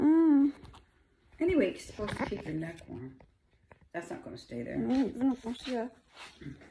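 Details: Adult speaker; typical speech.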